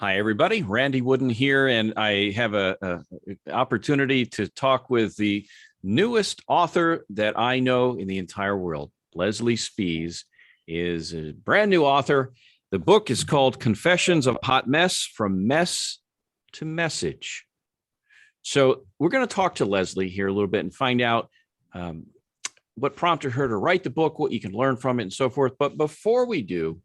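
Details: Adult man; Normal speech.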